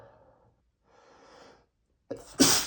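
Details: One of 100+ sneezes from a male, all recorded the same day: soft breaths, a sharp inward catch, then one loud explosive sneeze.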